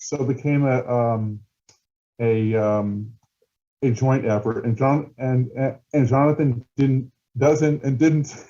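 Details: Stuttering in an adult male documentary filmmaker who stutters, with word repetitions.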